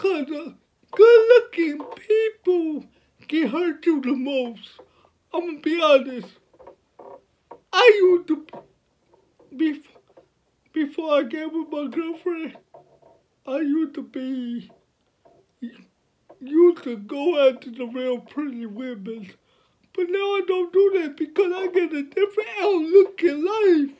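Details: 29-year-old man with cerebral palsy from birth, born at five months (premature), speaking about his own life; speech in cerebral palsy (dysarthria).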